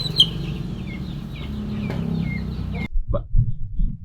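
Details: Chicken with snoring breathing (ngorok), owner asking what the disease is: low, rattling, snore-like breathing noises with other birds chirping in the background, i.e. respiratory rales.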